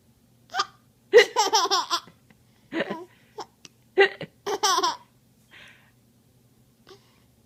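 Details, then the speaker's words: Short, sharp voiced catches mixed with bursts of giggling in a quiet room; hiccups interrupting laughter. "do you get to hiccups huh"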